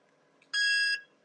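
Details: AMT CO2 fractional laser with a glass CO2 tube and scanner delivery, shown in a device demonstration: a single steady high-pitched beep lasting about half a second while firing.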